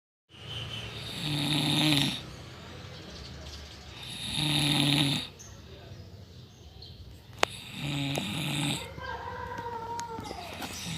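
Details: Person snoring: loud rattling snores on each breath in, about three over ten seconds, with quieter breathing between and faint room noise.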